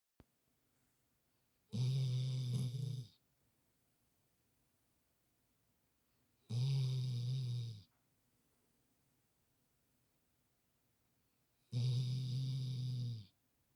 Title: 상큼한 코골이 snoring